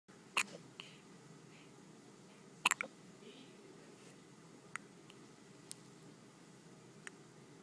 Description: has the hiccups